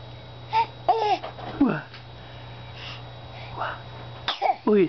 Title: cute sneezes